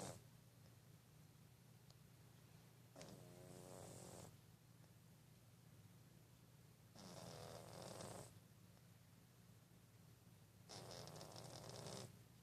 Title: CUTE CAT SNORES LIKE A HUMAN!